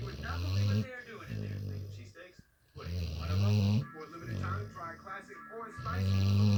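Loud, low rattling snores recur about every three seconds with quieter breaths between, over faint background music; a dog snoring heavily.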